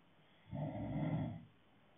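A single low, rough, rumbling breath lasting about a second. A snore.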